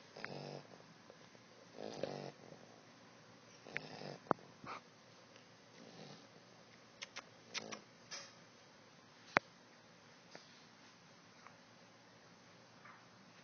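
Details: Small but loud pit bull puppy snoring in sleep: irregular rough snoring breaths with snorts and small clicks, about 12 a minute.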